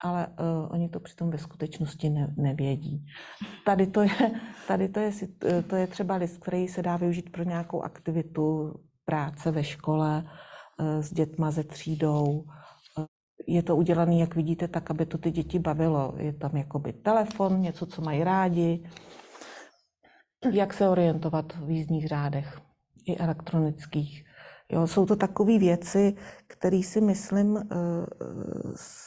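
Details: Adult woman speaking Czech; Normal speech.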